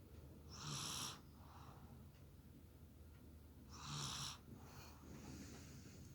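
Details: Baby boy snoring lightly while asleep after playing, tired and sleepy: two hissing, whistly breaths with a faint snort about three seconds apart over steady room hum.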